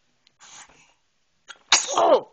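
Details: Infant sneezing while babbling: small breathy intake, then a sharp sneeze trailing into a short vocal sound; a single sneeze.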